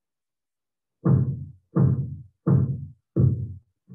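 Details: Auscultatory gap in Korotkoff sounds.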